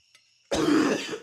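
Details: Adult smoker's cough, acted for an anti-smoking message: one harsh, rough cough burst.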